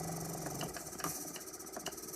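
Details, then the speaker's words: iGo2 portable oxygen concentrator running on 3 L smart dose (pulse-dose capable 1–5 L, no continuous flow): low rattling motor hum with soft rhythmic pulses; oxygen purity climbs over about 10 minutes to above 88%. "As this unit runs and runs um over a 10 minute period, that number will gradually climb up and then again after 10 minutes you should be above 88%"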